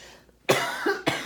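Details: Adult woman with a nagging cough, having a coughing spell while crafting that made her cut the session short: two harsh, forceful coughs in quick succession.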